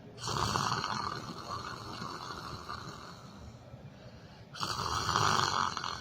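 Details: Person sleeping while sitting in a chair: two long, loud rasping snores with a quieter stretch of noisy breathing between them; snoring.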